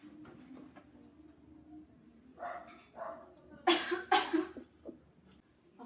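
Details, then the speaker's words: An adult patient in a deep breathing and coughing exercise breathes in through the nose while holding a pillow for comfort, then gives two deliberate, forceful voluntary coughs. "so now hold the pillow like this to provide a comfort and you breathe through your nose and cuff twice like this okay it's your turn"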